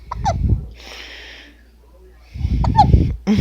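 Two short, abrupt voiced catches with breathy noise between them. These are hiccups.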